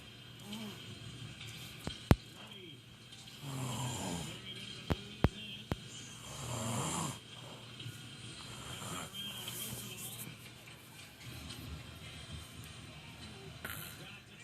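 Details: Two loud, rough, rattling snores about three seconds apart from a husband asleep during a televised Blackhawks playoff game, with room noise and TV; ordinary snoring.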